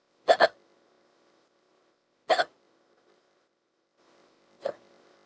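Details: AI/fictional hiccup clip built from another hiccup recording with added hiccups, female character with speedy hiccups: three sharp, double-pulsed catching sounds about two seconds apart, separated by silence; simulated hiccups.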